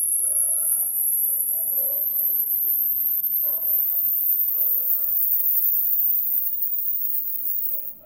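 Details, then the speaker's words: Age-based high-frequency hearing test: a steady, very high-pitched tone slowly rising in pitch, with faint background sounds. "तो चलो दोस्तों आज आपके कानों का टेस्ट करते हैं और देखते हैं आपको किस एज तक की आवाज सुनाई देती है।"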